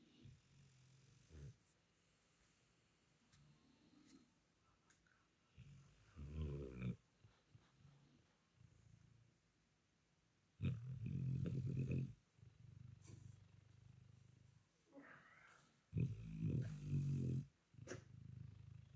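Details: Baby raptor at rest snoring: low, raspy snoring bursts with quiet gaps between them.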